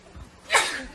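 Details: K-pop idol sneezing: a short quiet intake of breath, then one sharp, hissing expulsive burst; a single sneeze.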